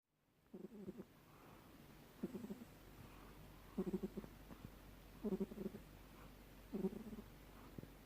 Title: Bengal cats snore too